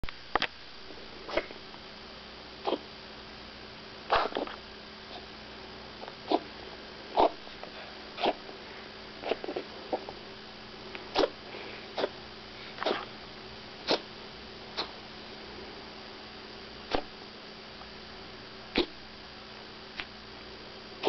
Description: 12 week old Chihuahua Puppy with Kennel Cough